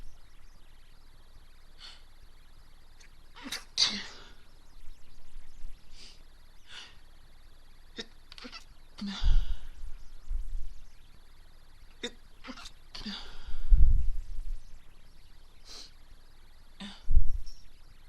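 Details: Woman stifling sneezes: several short, muffled stifled sneezes, then a few fuller sneezes with a sharp burst of air; stifling only works for so long.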